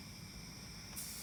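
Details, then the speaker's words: Suction unit hiss as the machine is switched on to regular and the pressure is adjusted to between 100 and 125, in a tracheostomy suctioning skills demonstration (no more than 100 for infants, 120 for children and adults). "I'm just gonna turn it on to regular okay and adjust our suction pressure okay usually no more than a hundred for infants and no more than 120 for children and adults"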